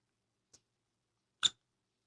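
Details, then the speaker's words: Newborn baby boy in his first days home: a faint catch, then one short sharp hiccup in a quiet room; hiccups. "There's you still got hiccups."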